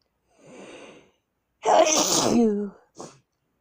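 A breathy inhaled build-up, then one forceful voiced sneeze and a brief trailing sound; part of a sneezing fit.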